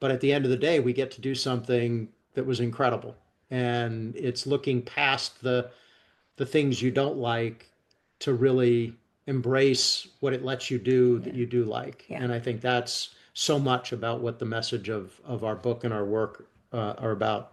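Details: Adult man speaking; normal speech.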